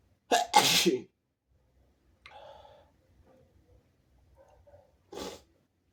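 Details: Sharp double sneeze, then quiet breathing and another short sneeze a few seconds later, from a person lying in bed; sneezing.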